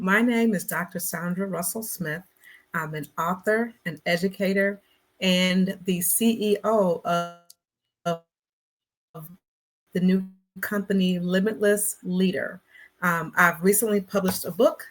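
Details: Stuttering in an adult Black woman who describes herself as a person who stutters, speaking in a conversational interview.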